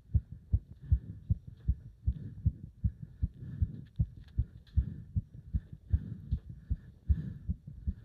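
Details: Heart sounds during leg-wrench exercise, pounding felt up to the subclavian artery: fast, forceful, regular heartbeat around 150 beats a minute with faint background noise; rapid heartbeat during exercise.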